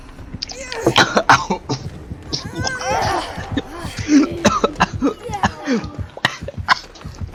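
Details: Adult coughing fit: a string of repeated coughs mixed with laughter and voice sounds.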